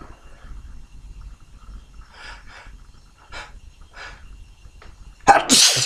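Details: Morning sneezing: faint sniffs and quick inhalations, then one sudden, forceful, messy spraying sneeze at the end.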